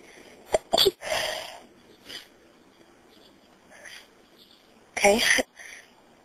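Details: Two sharp, explosive sneezes, each after a quick catch of breath, in a quiet small room; deliberately induced by a person who has been sneezy and may be getting a cold; phone recording.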